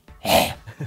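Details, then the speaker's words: Imitated dog goose-honk cough by a person: loud honking cough burst caused by tracheal collapse, the airway narrowing so air vibrates through the narrow gap; cartilage weakens with age. "요런 소리가 나는 거는 트라키아의 콜랩스라고 하는 기관 허탈 때문에 생기는 거예요"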